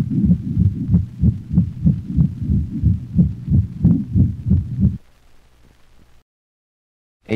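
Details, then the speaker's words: Dog with aortic stenosis: a rapid, regular heartbeat with a crescendo-decrescendo murmur heard over the aortic valve region. It radiates to the cervical vessels and cranial right thorax, and the first and second heart sounds remain audible. "this murmur is heard over the aortic valve region and radiates to the cervical vessels and the cranial right thorax the murmur may not interfere with the audible components of the first and second heart sounds"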